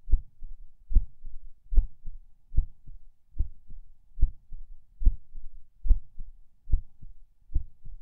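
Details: Person lying in bed falling asleep, feeling every beat and skip; paired heart sounds about 72 a minute, slightly uneven spacing, occasional soft skipped beats, unsure if PACs; distinct split S2 noted.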